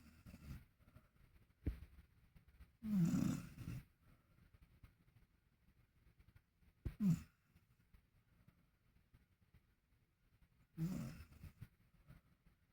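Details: Sleeping dog snoring "like a middle aged man": soft, low snores about every four seconds, roughly 15 breaths a minute, in a quiet room.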